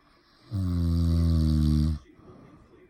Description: Snoring lol